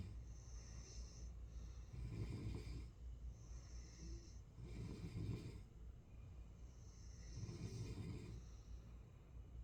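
Slow, low rattling snores recurring roughly every three seconds, with steady low room hum underneath; ordinary snoring.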